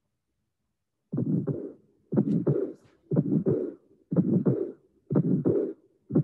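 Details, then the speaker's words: Breath-held auscultation of coexisting pulmonic stenosis and pulmonic regurgitation: regular heart cycles about 60/min, first sound then a pulmonic ejection click, systolic murmur, second sound, and a soft diastolic murmur. "And this is an interesting case of pulmonic stenosis and pulmonic regurgitation in the same case."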